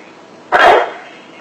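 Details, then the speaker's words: Adult asked to give a narrow cough after light palm tapping on the chest above the nipple line: a single short, tight chest cough, judged by the listener to come from the lungs. "ว้าวถ้าเสียงไอเนี่ยนะถ้าเสียงไอแคบๆแบบนี้นะครับผมฟังเสียงผมรู้ทันทีแล้วนะว่าปอดแน่ๆแล้วล่ะครับ"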